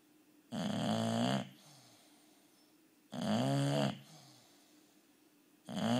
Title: trojan the bulldog snoring